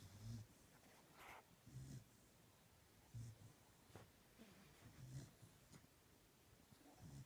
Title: GINGER IS SOUND ASLEEP AND SNORING, ONLY HAPPY DAYS AHEAD